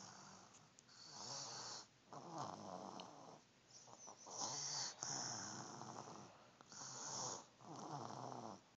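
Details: Snoring: irregular, fast, rattling and snorting breath noises with hissy bursts, about three per second.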